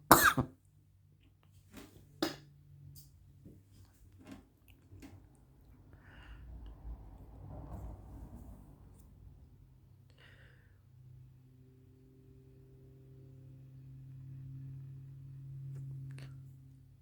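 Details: Coughing after smoking in a closed garage: a few scattered coughs and throat clearing in a quiet small room, then soft breathing.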